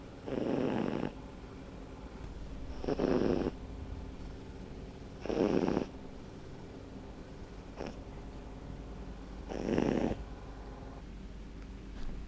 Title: snoring sphynx